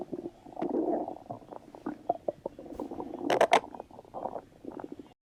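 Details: Stomach rumbling (borborygmi).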